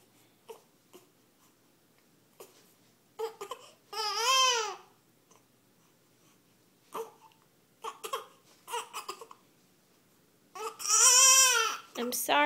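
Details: Baby girl upset by hiccups: fussing with short catches of breath, breaking into two longer wailing cries; unhappy infant cry.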